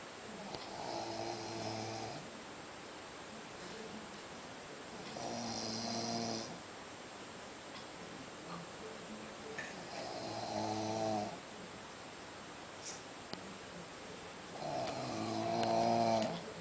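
Slow, rhythmic snoring, about 12 breaths a minute, with a buzzing rattle on each breath and quiet pauses between.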